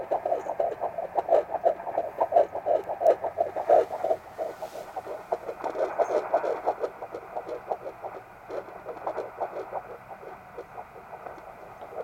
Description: Our baby's heart beat at 13 weeks.